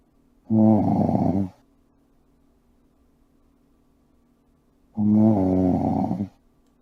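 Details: Man snoring while asleep: two loud, rough, voiced snores about four seconds apart, each lasting about a second, with quiet between them; snoring.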